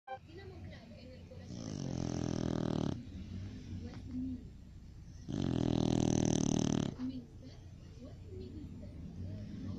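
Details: Two loud, rumbling snores on slow in-breaths from a sleeping Cocker Spaniel, with quieter breathing between them; snoring.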